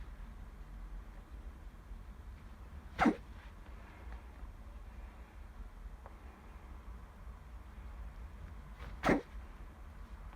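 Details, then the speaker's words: Two brief, sharp sneezes from a small male pet rabbit, about six seconds apart, over quiet room noise while the owner talks to him. "Whoa! You really like sneezing, don't you?"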